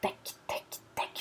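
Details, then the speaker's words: Crackles (rales) heard on lung auscultation, both inspiratory and expiratory, described as a feature of acute pulmonary edema with frothy pink sputum and accessory muscle use. "esse barulho lá dentro do pulmão tanto inspiratório quanto respiratório"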